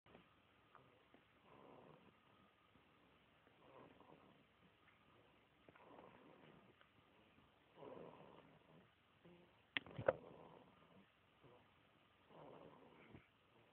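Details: Gentle snoring: soft, rough breaths recur every couple of seconds in a quiet room, with a brief louder noise in the middle.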